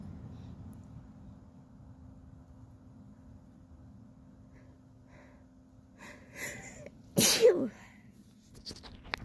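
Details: A quiet lead-in with a short intake of breath, then one loud, explosive sneeze over a steady low hum.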